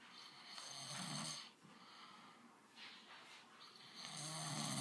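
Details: Loud, rough rattling snoring from a sleeping man (dad), with a low fluttering rumble on each inward breath and quieter breathing between.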